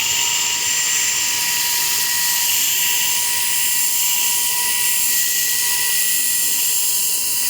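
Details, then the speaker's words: Continuous high-pitched whine of a surgical cranial drill with a 14 mm round bit boring a burr hole in the skull during a demonstration of NeuroPace RNS implant placement for epilepsy; the hole did not go all the way through. "alright so again usually I will after I open up the skin I'll come back and make sure that my trajectory lines up so that my burr holes gonna be in the right spot"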